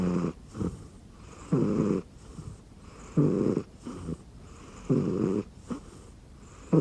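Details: Rescued cat asleep on someone's arm under a futon: steady, rhythmic, buzzing snores with a short snuffle after each, about 35 breaths a minute.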